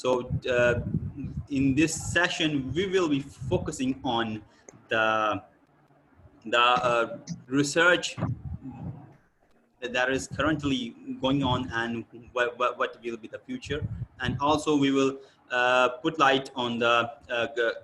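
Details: Adult man; typical speech.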